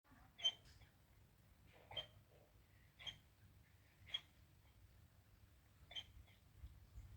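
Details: Dog: short, sharp, high little gulping sounds, about one a second at a fairly even pace; hiccups.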